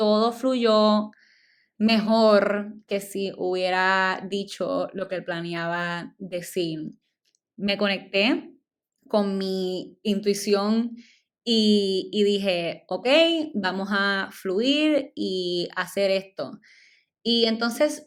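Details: Adult woman, stuttering since childhood, speaking Spanish; she says it is stronger in Spanish than in English and in public speaking, and milder when recording alone; stuttering.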